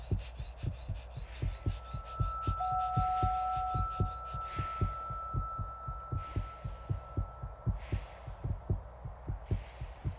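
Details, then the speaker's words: Steady low thumping heartbeat about 77 a minute of a skier at high altitude on Mount Everest, described as still close to normal along with blood pressure, with wind noise and soft tones in the background. "my heartbeat and blood pressure are still close to normal"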